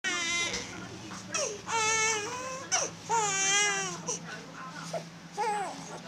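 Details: Infant crying at home after a 5-in-1 vaccine and RotaTeq: loud rhythmic wailing cries with breaths between bursts, soft room noise behind.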